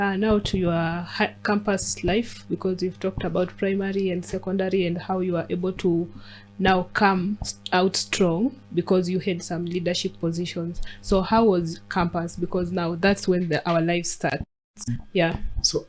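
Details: Adult speaker; typical speech.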